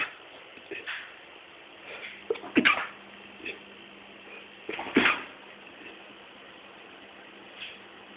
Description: Making myself sneeze loads of times in a row.